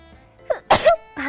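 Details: A Japanese girl sneezes once: a short voiced in-breath, then a sharp explosive burst, with soft music behind.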